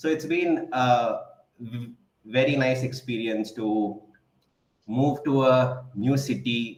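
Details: Adult man in a stammering self-help group who stammers; real speech showing stuttering.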